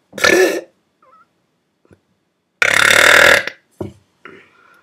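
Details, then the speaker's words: Person burping around 5 a.m. after not burping for a while: two loud, drawn-out belches with brief quieter sounds between them. "It's all about burping. That was a good one."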